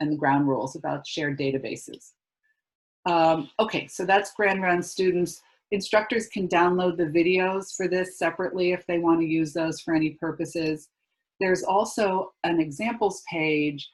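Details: Adult speaker; normal speech.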